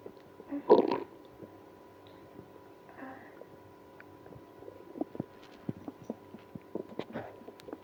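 One loud gurgle, then scattered soft pops and gurgles from the gut: active bowel sounds in someone with irritable bowel syndrome.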